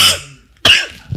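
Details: An adult male comedian gives two short, harsh cough bursts separated by a brief pause, a clip from a compilation of his coughing: a cough.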